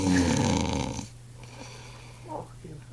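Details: Adult man snoring heavily: one loud, rough, rumbling snore likened to a hibernating grizzly bear, then quieter breathing with room noise.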